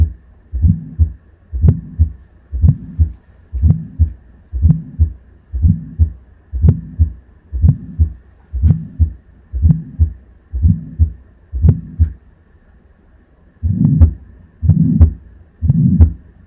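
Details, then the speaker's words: Simulator recording of aortic stenosis: regular rhythm about 60/min with coarse systolic murmur between heart sounds; first tone and aortic-area second tone may be weakened, pathological fourth sound possible from left ventricular hypertrophy. "стеноз устья аорты возможно при этой патологии будет ослаблены первый тон а также ослабление второго тона в точке выслушивания клапана аорты аортального клапана"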